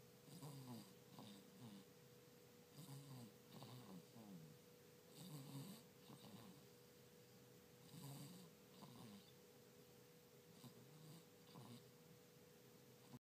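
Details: Sleeping dog with a cough and cold snoring: soft, rhythmic snuffling snores, about 24 per minute, with a steady background hum.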